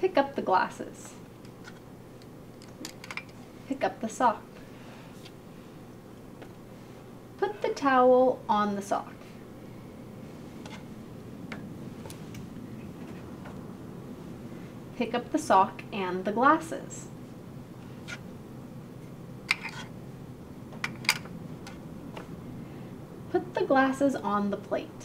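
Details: Adult clinician speaking; normal speech.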